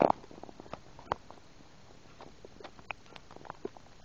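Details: Bowel and swallowing sounds (borborygmi) recorded while eating a burger and drinking soda with swallowed air: quiet gurgles and sharp clicks as air and fizzy drink pass down.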